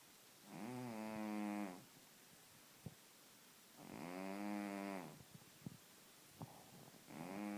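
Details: Obese male cat, owner suspects sleep apnea, snoring while asleep: rhythmic buzzing snores on each breath, about 18 a minute, with quiet pauses between.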